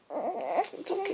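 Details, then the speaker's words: Newborn baby girl in her first weeks, unhappy in her swing, gives short wavering fussy cries with brief pauses; mother thinks she is still hungry and prepares formula; hunger cry. "we're downstairs but i think baby girl is still hungry because she was a little unhappy in her swing"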